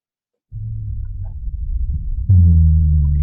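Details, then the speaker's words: A recorded rhonchi sound played in a respiratory lecture and linked to COPD: continuous low-pitched, snoring, rumbling breath sounds; rhonchi. "Bronchi, a lot of times you hear with like COPD, I feel like kind"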